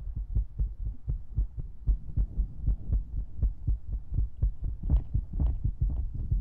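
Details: ASMR recording: soft, regular low thumps at about 120 a minute with a faint hum behind them; fast heartbeat.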